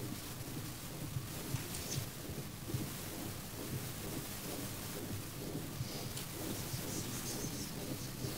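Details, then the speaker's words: Steady rushing continuous murmur through both systole and diastole, heard mid-chest, like a ductus but in a different place: continuous murmur of a coronary artery fistula from a teaching recording. "Donc c'est un souffle continu qu'on entend au milieu du thorax. Donc ça veut dire qu'il y a du sang qui va de la haute pression à la basse pression, à la fois en systole et en diastole."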